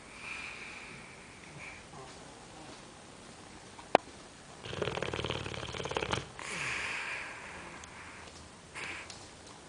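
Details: Boxer dog snoring: snorting, rattling breaths through the nose with quieter breathing between and a brief click, snoring with snuffling.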